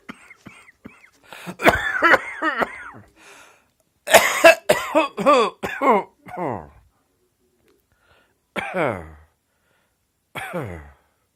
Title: Pyjama Cough